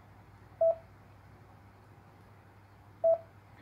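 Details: Patient monitor pulse oximetry beeps with the sensor on an index or middle finger during a demonstration, reading oxygen saturation 100% and heart rate around 93–96: two short, clear beeps about 2.5 seconds apart.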